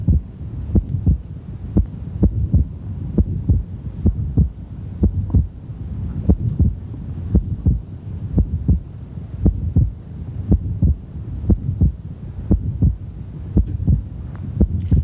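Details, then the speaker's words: Fixed, wide splitting of the second heart sound (atrial septal defect) in a male patient: the split persists through inhalation and exhalation, with a regular heartbeat near 60 per minute and a short mid-systolic murmur. "there's no phase in which you don't hear splitting when you're hearing breathe right there splitting it's really wide then it narrows back down a little bit but you can always hear the second sound split"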